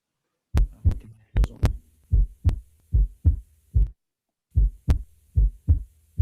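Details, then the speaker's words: Auscultation of a patient being assessed for possible aortic stenosis or mitral regurgitation: regular heart sounds in two beats at about 74 per minute, no murmur heard; normal heart sounds. "As bolhas estão em 2 tempos, né? Não escutei nenhum sopro de estenose aórtica, não escutei sopro de insuficiência mitral."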